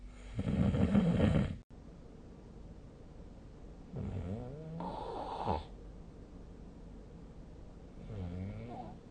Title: 🐽 本日のイビキ / Snoring Sleep Sound 2025/03/04